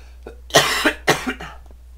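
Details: cough Two to three short, harsh cough bursts in quick succession in a quiet room, from the speaker, who is coughing a lot partway through a spoken demonstration.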